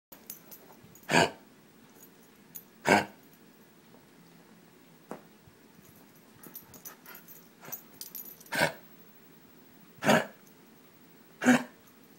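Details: Female dog coughing whenever she gets active and climbs on the couch: five sharp, dry coughing bursts spaced over about twelve seconds, with quiet room noise between.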